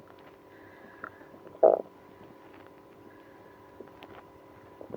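Short gurgles and one louder rumble from the stomach, which are active bowel sounds in a person with irritable bowel syndrome.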